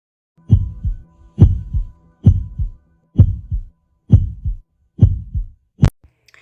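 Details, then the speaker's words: Normal first and second heart sounds (S1 and S2) heard with a stethoscope, valve closure vibrations: steady paired lub-dub at about 67 beats a minute. "En cuanto a los ruidos cardíacos, lo que escucharemos con el estetoscopio son las vibraciones que se producen las válvulas al cerrarse cuando la sangre pasa a través de ellas."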